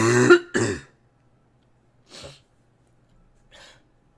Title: Girl coughing 257